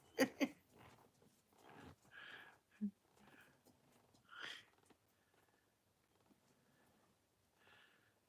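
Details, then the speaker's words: Snoring from a sleeping cat: soft, raspy breathing bursts, a gentle snore, after a couple of sharp knocks. "T noral was pretty odd yeah can you hear the cat snoring yeah exactly"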